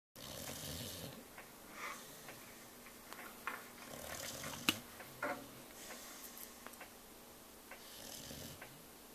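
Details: Sleeping cat snoring: soft, airy, repeated snores with faint purring-like rattles and a few small clicks; gentle snoring.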